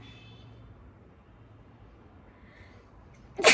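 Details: Woman with a cold, feeling feverish, after a long-held-back sneeze: quiet room noise, then a single sharp, forceful sneeze at the very end.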